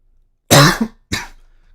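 Two short coughs from an adult, the first stronger than the second, in a quiet room: a plain cough.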